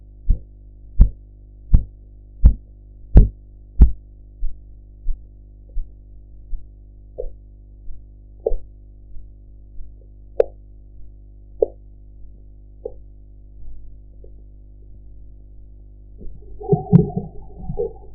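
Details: Regular tapping thumps at about 85 a minute fading as the cuff deflates, blood pressure practice recording with audio enhancement and gauge: Korotkoff sounds.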